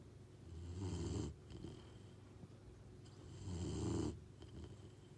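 Two slow, rattling snoring breaths, each a low rumbling inhalation with quiet pauses between, in a sleeping animal.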